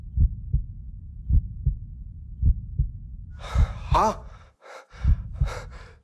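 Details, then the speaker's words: Simulated fetal heartbeat from a Hindi TV drama prenatal scan scene, heard through a stethoscope: regular paired low thumps at about 53 beats a minute, with a gasp and voice over them; the father says it is beating very fast. "ये तो बहुत तेज धड़क रहा है। शवनी, शवनी, शवनी, हमारा बच्चा, हम दोनों का बच्चा धड़क रहा है।"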